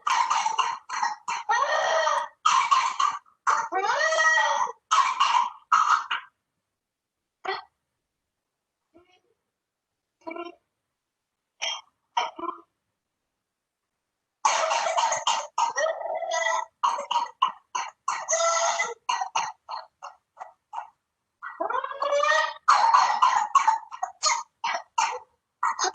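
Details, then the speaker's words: Girl with whooping cough (pertussis, Bordetella pertussis): rapid runs of coughs with pauses, then choking and a high-pitched indrawn whoop ("grito de gallo"), characteristic of tos ferina. "Es una tos, es una tos donde la persona tose, la niña tose, así, y luego como que se ahoga. Ese gritillo, el grito de gallo, muchas veces conocido, es un signo característico de la tos ferina o tos convulsiva, ¿no?"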